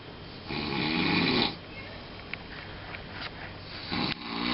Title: snoring